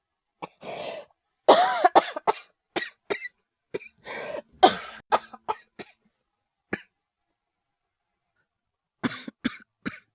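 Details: Acted, not real, cough voice collection by a male voice actor: harsh coughs and short bursts with gasping breaths in between.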